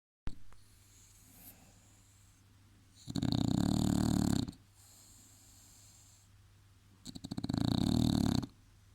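Two loud, rattling inspiratory snores about four seconds apart with quiet breathing between; dog snoring, a noisy upper airway common in flat-faced breeds.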